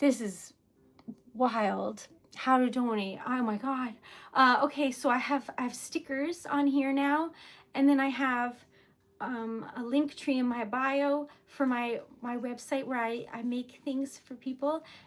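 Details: Mild stuttering in a woman who says she stutters a little when flustered. Word repetitions occur in this stretch while she is flustered and trying not to stutter.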